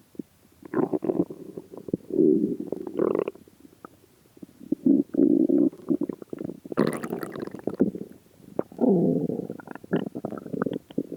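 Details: Fasting 76 hours with no food: loud gurgling and rumbling bursts from the empty stomach; hunger borborygmi.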